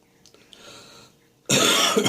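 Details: Morning cough with lingering catarrh in the chest and throat: a soft breath, then a sudden loud, harsh, chesty, productive hacking cough with throat clearing.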